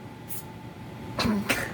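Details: Ferret sneezing repeatedly, with possible dust suspected: two tiny, sharp sneezes a third of a second apart over engine-like background noise.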